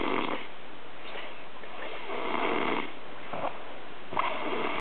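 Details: Loud, rough, rattling snores from a man on each breath in, repeated over a few seconds in a small room, recorded in 2009 at Ferragosto; snoring.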